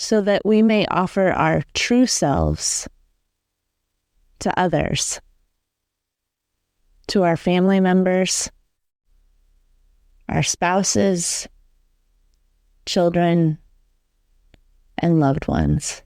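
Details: Adult speaker; ordinary speech.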